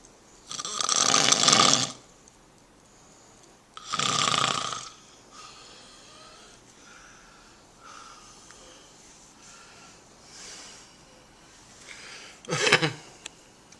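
Loud, rough snoring bursts from a sleeping dog, with quieter breathing between them.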